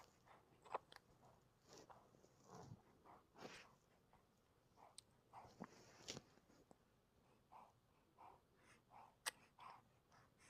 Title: Sneezing 🤧🤧